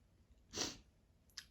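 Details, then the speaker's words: Person with an itchy, tickly, red nose sneezing from a Christmas candle scented with pine, orange and cinnamon: one sharp, hissing sneeze burst followed by a short sniff. "oh yeah my nose is so red I've been sneezing because of this candle"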